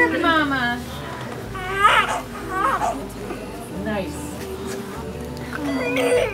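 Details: Short, high, wavering wails from a newborn just after an unmedicated, natural labor and delivery of a first baby, partly covered by a song playing over the top. Normal newborn cry.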